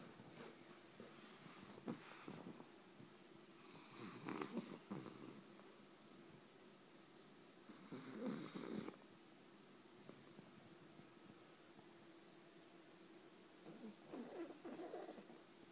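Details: Sleeping pug snoring: soft, rattling snores in bursts every few seconds with quiet room noise between.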